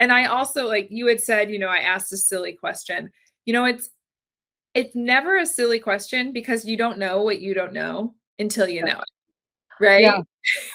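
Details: Adult woman; typical speech.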